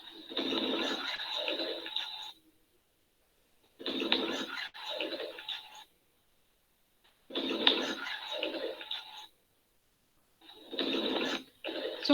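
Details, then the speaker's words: Noisy breath sounds with fine popping crackles through each breath, about 17 breaths a minute; crackles played as an auscultation teaching example. "y éste serían los extractores crepitantes que hablamos anteriormente"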